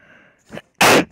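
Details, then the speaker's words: A person sneezes close to their microphone during a gaming recording, then remarks that it sounded weird. "uh that sounded weird as well like um sorry I sneezed bless me that's freaking weird"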